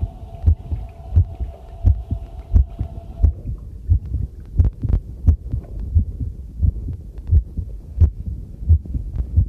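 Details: Own heartbeat recorded with a new homemade field stethoscope microphone while doing housework: a regular low thumping normal heartbeat at about 85 beats a minute, with faint running water and clinking dishes behind.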